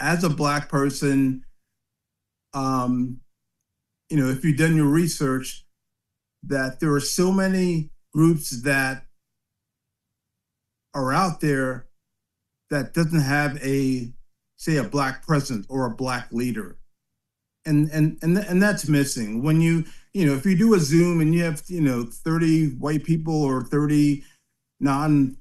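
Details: Aphasia in a 56-year-old man after an ischemic stroke in 2013 affecting the back of the brain, also impairing balance and strength; still has speech problems twelve years later, worse late in the day with reduced volume, enunciation and some slurred words.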